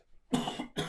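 Two quick, harsh cough bursts from an adult with a deep, rough quality; a chesty cough from a chest cold.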